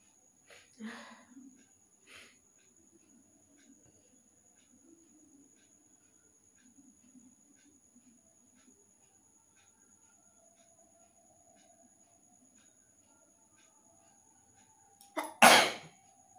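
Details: Faint sniffing in a quiet room, then a single loud, explosive sneeze, during a sneezing and nose-blowing challenge while trying to bring out mucus; eyes watering.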